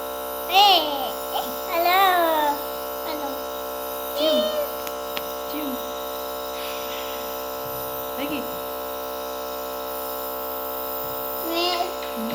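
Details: 2-year-old boy with a cough receiving a steam (nebulizer) treatment: steady electric humming buzz of the nebulizer compressor throughout, with the toddler's brief vocal sounds over it.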